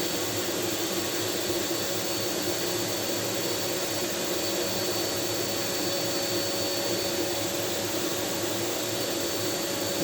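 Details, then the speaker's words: Continuous loud vacuum-cleaner roar with steady whine from a domestic vacuum holding negative pressure in a low-cost home-built wooden box ventilator around a test subject from the neck down, manometer engaged; vacuum-driven negative pressure ventilator running. "Right, well, I'm going to turn the vacuum on now and engage the manometer."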